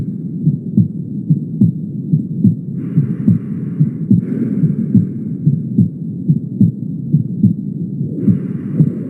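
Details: Mitral regurgitation: a holosystolic murmur whose intensity clearly increases at the mitral focus.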